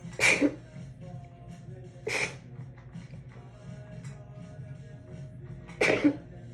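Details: Sneezing fit after a shower, induced by tickling the nose with a wet strand of hair and muffled with a towel: three muffled sneezes in about six seconds, with faint background music.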